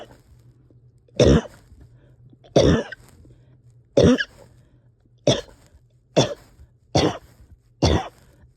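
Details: Repeated coughing in someone struggling with breathing and finding it hard to rest or get comfortable: seven harsh, separate coughs over about eight seconds over a low steady hum.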